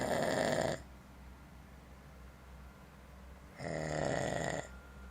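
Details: Person snoring while asleep: two loud, rough snores a few seconds apart, with quiet pauses between breaths.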